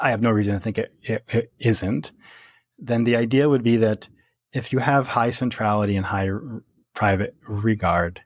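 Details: Stuttering in an adult man who stutters, speaking naturally in conversation.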